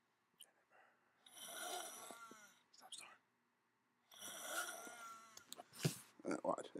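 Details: Snoring in a sleeping person: two long, rasping breath sounds with a rattling flutter, separated by a pause, with faint rustling.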